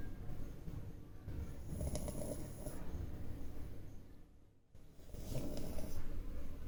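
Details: Sleeping French bulldog: continuous low, rumbling, snorting breath noise rising and falling over several seconds; loud snoring.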